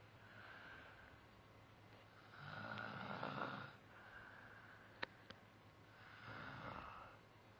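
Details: Soft, rasping breath noises repeating in slow cycles, with louder rattling on some breaths; snoring.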